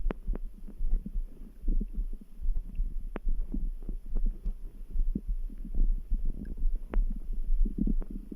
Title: Stomach grumble | Background heartbeat sounds